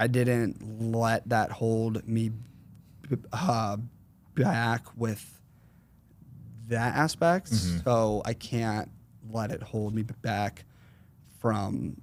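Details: 21-year-old male with stuttering since 4th grade, severe in the past, variable in severity and worse when consciously processing what he says.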